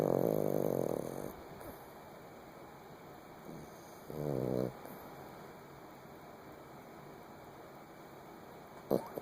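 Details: A dog snoring: irregular buzzing snores on some breaths against a humming room background.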